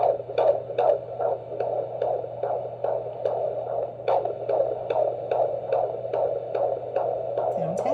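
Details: Fetal heartbeat: rapid, regular whooshing thumps of about 145 beats a minute over a steady hum.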